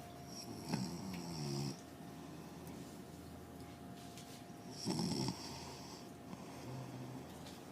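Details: A parent filmed asleep by their son, snoring: two rattling, low snoring breaths, each about a second long, over a steady room hum.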